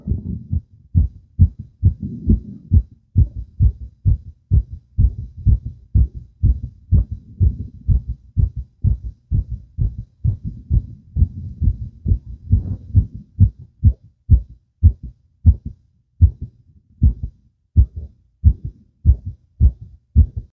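A quick run of strong, deep heart thumps, faster than a resting pace.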